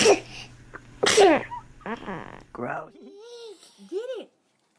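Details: Infant sneezing: two quick baby sneezes, then baby vocal sounds and squeals, with adult voices saying bless you in the background.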